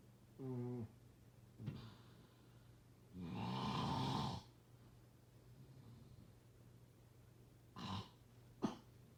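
Irregular noisy snoring bursts, some with a rattling, fluttering quality and one short pitched snort, over a low steady room hum; snoring.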